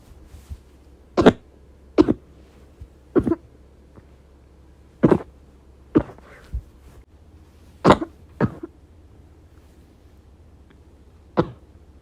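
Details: Repeated short, muffled coughs from an adult with bronchitis, in an ongoing hard-to-stop series, muffled by coughing into clothing: bronchitis cough.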